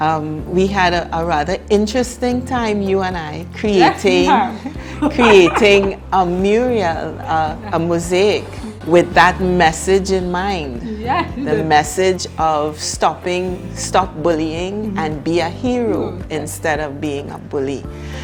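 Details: Adult woman speaking; typical speech.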